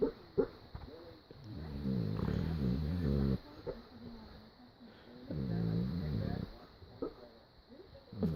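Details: Snoring from a sleeping animal named Bob: two long, low rumbling snores, each about a second long, separated by quieter breathing and small clicks.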